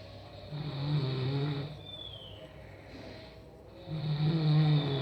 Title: ORANG NGOROK, MENDENGKUR SAAT TIDUR